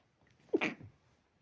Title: dog allergy pinch sneezes